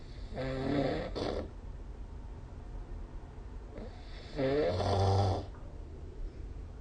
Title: 🐽 Snoring Sleep Sound / いびきの音